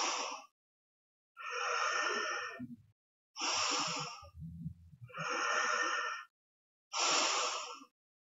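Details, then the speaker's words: Inhaler with spacer, tidal breathing method for patients unable to hold their breath (asthma or COPD): repeated airy breaths through the spacer, about 34 a minute, with soft valve hiss; inhale via mouth, exhale via nose. "they are supposed to inhale via mouth and exhale via nose"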